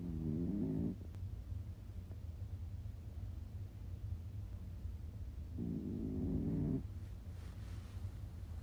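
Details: Snoring.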